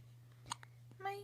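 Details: Two brief sharp hiccup sounds from a baby over a steady hum, then a short infant vocal sound; infant hiccups.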